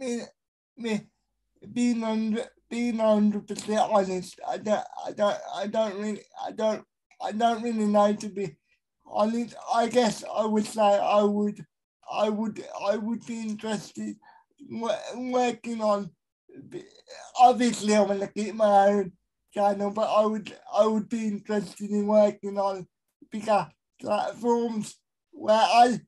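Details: Dysarthria in a male with a severe type of cerebral palsy, real.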